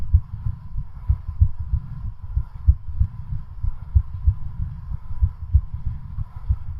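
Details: Fast, regular low heart thumps over a steady background hum, recorded during a home stationary-bicycle cardiac stress test continued until exhaustion: a rapid heartbeat during hard exercise.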